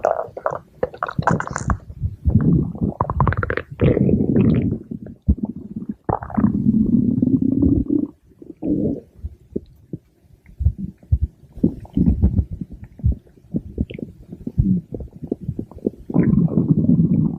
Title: Pink Diamond's stomach growling (Request for @amandaforbuddies )